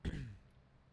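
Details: A single brief, low throat-clearing or cough burst from an adult man who says he is still sick with sniffles and a changed voice.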